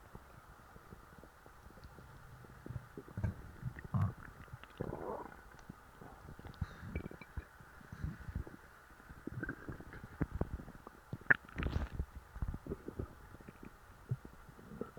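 Low gurgling and rumbling from a full stomach over faint background noise; ordinary stomach growling.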